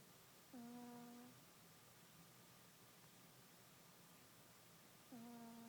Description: My cat Mumu snoring while taking a nap after his Thanksgiving feast :)